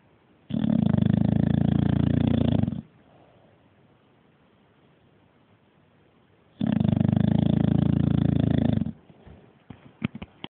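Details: Bulldog snoring: two long, loud, rumbling snores about six seconds apart, with quiet breathing between them.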